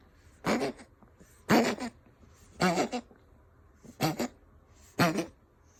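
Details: A Ragdoll cat gives five harsh, hacking coughs about a second apart, each with a raspy, wheezy edge; the owner wonders whether it is a hairball or illness.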